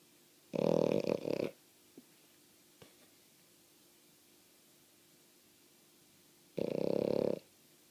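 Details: Female French Bulldog snoring loudly while not actually asleep: two loud, rattling snores about six seconds apart in a quiet room, with a faint click between them.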